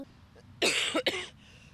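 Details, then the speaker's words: Child with a cough that never ends, coughing many times a day and at night when lying down, in dry weather: two quick, dry-sounding coughs, persistent cough. "a queixa da é a mesma uma tosse que não tem fim tá tossindo muito muitas vezes no dia sim e a noite quando deita"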